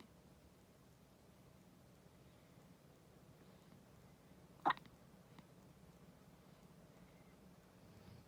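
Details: 14-day-old newborn with hiccups: a single short, sharp hiccup in a quiet room followed by a faint second catch.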